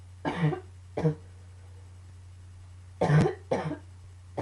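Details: Four harsh short cough bursts in two pairs, with quiet gaps and a steady low background hum, during a coughing fit combined with allergies; coughing fit.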